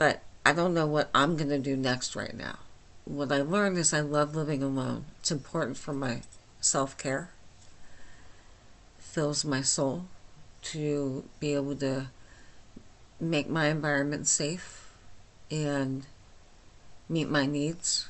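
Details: Adult woman with myasthenia gravis since age 8, with lifelong swallowing and talking problems and double vision, speaking without her usual speech appliance: hypernasal dysarthria (myasthenia gravis)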